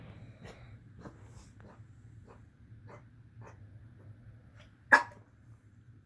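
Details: Soft snuffling breaths over a low background hum, then a single sharp, explosive cough from a dog near the end.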